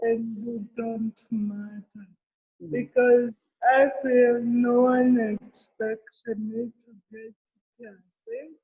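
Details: Adult woman with cerebral palsy present since birth, real speech in an interview; dysarthria associated with cerebral palsy.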